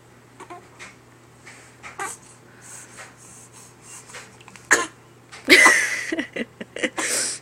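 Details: Child who should be sleeping: soft breathy sounds build to a sharp burst, then a loud explosive expulsion with short trailing bursts, described as a sneeze-fart; cough or sneeze.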